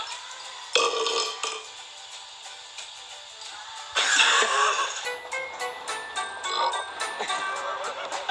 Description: A compilation of best burps.